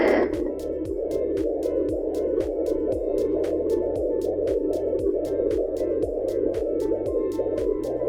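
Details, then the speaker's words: Portable home fetal Doppler with gel, probe glided from the pubic bone toward the belly button in a demonstration: rapid, regular galloping whoosh-thump of a fetal heartbeat over steady static. "I've started listening to it but I'm going to hear it a little bit more"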